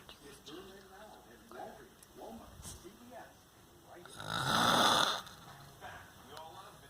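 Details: The filmer's dad snoring: one loud, harsh, rattling snore in a quiet room, with faint voices in the background; snoring.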